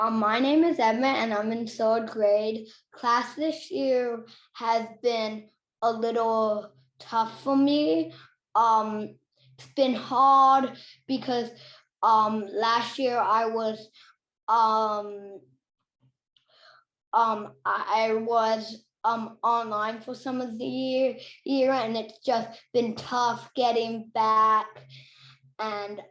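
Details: Third-grade child who stutters, speaking as a panelist among people who stutter; filler words and repetitions are heard. Finding: stuttering.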